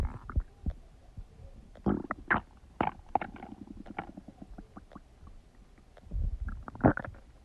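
Irregular gurgles, squelches and low rumbles from the abdomen, some loud and prolonged: active bowel sounds (borborygmi) during normal digestion.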